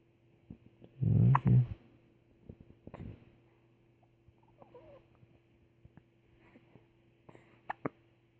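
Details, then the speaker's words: A baby with hiccups making cooing baby-talk noises: a few short, abrupt catches among soft baby sounds over a steady background hum. "Tell me how you feel about your hiccups. Frustrated? I would be too."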